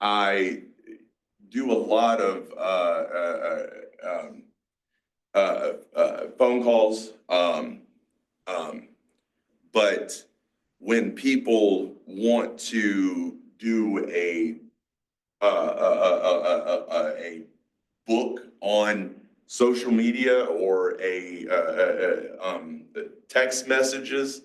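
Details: Aphasia in a 47-year-old male, a mix of Broca's and Wernicke's, after a massive stroke 6 years ago; he had to relearn to talk.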